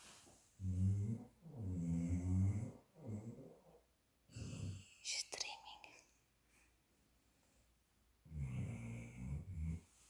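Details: Three low, rumbling, buzzing breaths, then a snort, a pause and one more, from a sleeping, dreaming dog; snoring.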